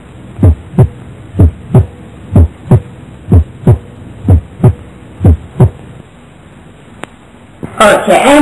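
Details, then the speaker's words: Regular paired heart sounds at about 62 beats a minute with clean first and second sounds, heard at the heart base; normal heart sounds. "A và đây là tiếng tin bình thường người ở đáy tim"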